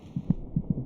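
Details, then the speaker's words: Fetal heartbeat, beating about twice as fast as the mother's: soft rapid paired thumps roughly 150/min with a low muffled hum. "the fetus's heart beats about twice as fast as the mother's monitoring the baby's heartbeat gives a good indication of his general condition it's more of a vibration"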